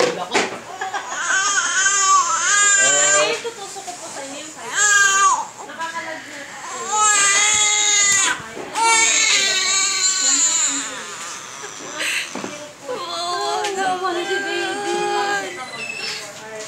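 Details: Loud, high-pitched wailing cry in long bursts with brief breaths between from a four-month-old girl during ear piercing; intense pain cry with faint room noise.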